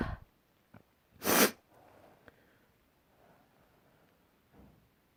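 A single sharp, explosive sneeze, with a few faint sniffs and breaths around it.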